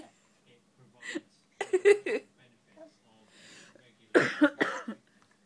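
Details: Adult mother, ill, coughs in two short bouts of several sharp, forceful bursts with quiet between, while her child laughs; cough.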